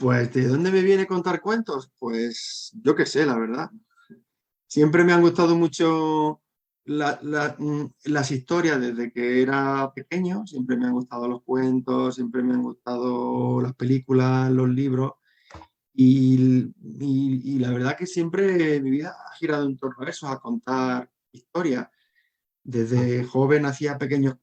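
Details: Adult man who stutters, a storyteller and member of a stuttering foundation; stuttering.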